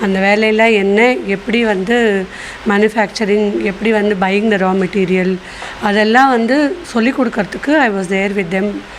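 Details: Adult woman speaking; typical speech.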